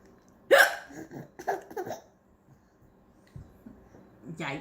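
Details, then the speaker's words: Mother with hiccups she can't control, around eating avocado: a sharp, sudden voiced hiccup, then laughter, then another hiccup in a quiet room. "Mommy can't control her hiccups."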